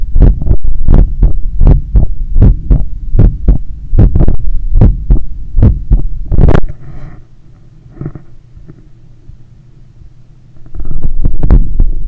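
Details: Heart sounds recorded by stethoscope after a 10 km run while lying on a daybed on the left side and trying to control breathing: loud, fast, regular beats for about seven seconds, then quieter. Normal heart sounds, fast after exercise.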